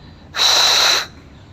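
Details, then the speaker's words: Simulated harsh breathing: a loud, hissing blown breath imitating the louder breath sound of airway obstruction or narrowing, e.g. asthmatic bronchi; harsh breathing, first stage of obstruction, demonstrated during chest auscultation teaching. "نفس الهوا انت نفخته ولكن الصوت اعلى اسمه هارش بريثين"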